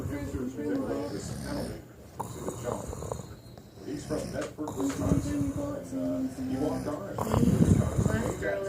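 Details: Loud, rough snoring with rumbling, snorting breath sounds from a sleeping man, with some background noise; snoring.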